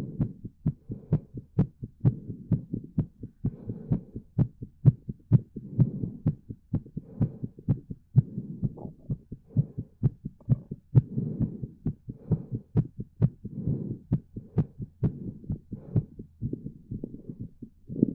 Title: My Pleasure Heartbeat